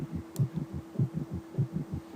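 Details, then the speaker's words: Summation gallop in a tachycardic patient: fast heartbeat where protodiastolic S3 and telediastolic S4 fuse into one loud diastolic sound, giving a galloping rhythm. "Y entre la diástole se une el S3 protodiastólico con el S4. Telediastólico en uno solo en el galope de suma."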